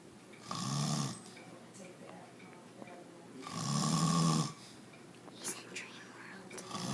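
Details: Grandpa snoring while sleeping: two loud, deep rattling snores on inhaled breaths with room noise between; ordinary heavy snoring.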